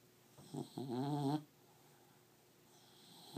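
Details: Beagle snoring: a single short, buzzing snore with a brief snort at its start, then quiet.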